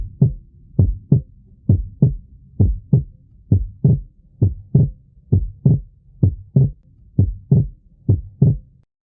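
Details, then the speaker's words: Normal heart sounds at about 66 beats a minute (sound representation) with physiological splitting of the second sound: S2 splits on inspiration and the split disappears on expiration. "Percebam que com a inspiração acontece o desdobramento da segunda bulha e na expiração ele desaparece."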